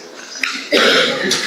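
A brief, harsh cough burst rises from a quiet room, followed by a short throat-clearing sound; a single ordinary adult cough.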